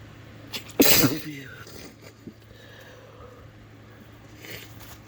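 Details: Induced sneeze from a congested FTM male with allergies, nostril blocked after a nap (he suspects room cleaning): a single loud, explosive, wet, messy sneeze, followed by quiet breathing.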